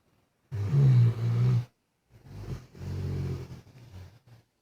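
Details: Sleeping pet dog that often snored loudly, caught on camera: a loud, deep, rattling snore, then a softer, broken one; heavy snoring.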